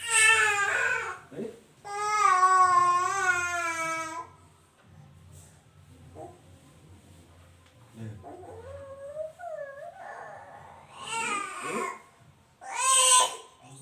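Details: Baby coughing after crying, which the uploader calls normal and not worrying for parents: strong crying breaks off, then a few short coughs and whimpers before crying resumes.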